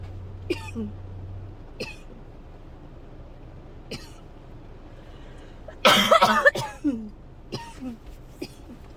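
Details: Persistent dry coughing fit since waking, likely getting sick: several short, harsh dry coughs, then a stronger burst with throat sounds; dry cough.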